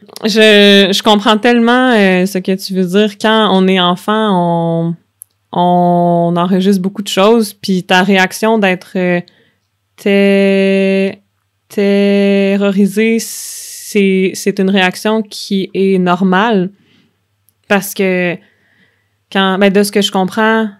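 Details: Adult woman who stutters, speaking French; stuttering.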